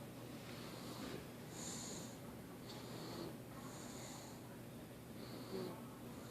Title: Moaning and Snoring In His Sleep